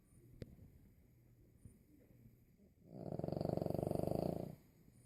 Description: My 25 pound Boston terrier snores louder than a grown man!